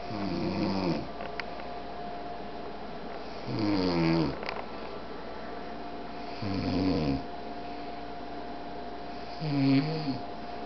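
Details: Man snoring loudly in sleep: deep, rattling snores roughly every three seconds, about 20 a minute, over a steady hum.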